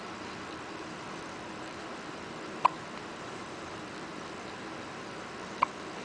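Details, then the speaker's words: Two faint, sharp little clicks about three seconds apart over steady room hiss from a newborn girl, her first hiccups after birth; soft hiccups. "what are you doing? Do you have the hiccups?"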